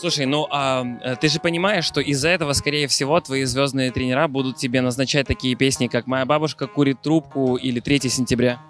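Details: Adult male speaker; Normal speech.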